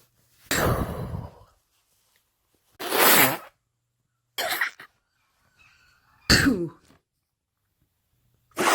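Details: Woman sneezing during hay fever, compilation: several separate sharp, explosive bursts in a quiet room, about five sneezes in a row.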